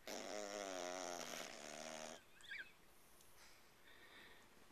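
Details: Teacup Yorkie dog snoring: a single drawn-out, buzzy, wavering snore breath followed by quiet room noise; snoring.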